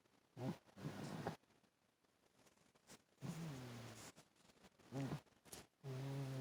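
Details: Several short, low, rattling breaths with quiet gaps and phone handling noise from a pet named Kona asleep on the owner's chest; poor phone audio; harmless snoring.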